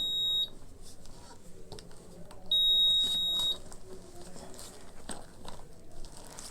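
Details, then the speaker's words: Syringe (infusion) pump loaded with a 50 ml syringe, switched on while not set up correctly or as fluid runs out, sounds high-pitched electronic alarm tones in two bursts over room noise; infusion pump alarm. "अब सोचिए जरा। हम इसे कहते हैं मैंने इसे चालू कर दिया है। यह देखो। खतरे की घंटी खेलना शुरू करें।"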